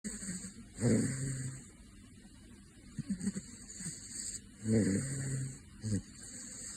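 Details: Sleeping caracal snoring: low, rumbling snorts recurring with each breath, about two in six seconds, over steady background hiss.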